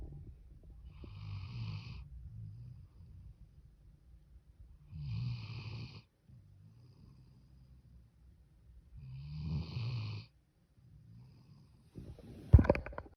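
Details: Soft, regular rumbling snores about every four seconds from a napping puppy.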